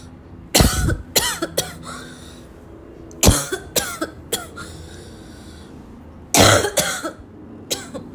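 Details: Barking cough: three bouts of hard, harsh coughing, about nine coughs in all, with gasping between bursts, as though choking on the cough.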